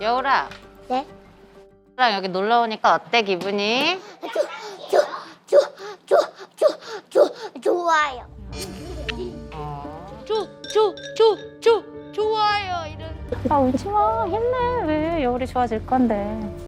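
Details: Stuttering with single-syllable repetitions in a four-year-old girl, sudden onset in September; a pediatrician found no physical problem and recommended speech therapy; an expert links it to perfectionism and fear of making mistakes.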